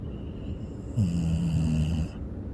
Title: sleeping snoring #comedy